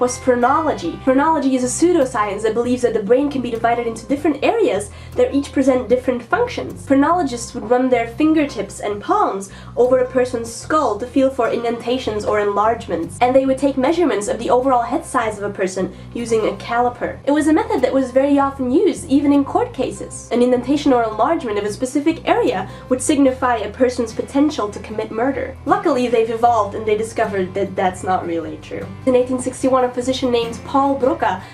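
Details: Adult woman speaking; normal speech.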